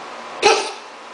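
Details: Cat coughing from hairballs: a single short, harsh expulsive cough. It is the second episode in a week, and the owner plans to give a malt hairball remedy.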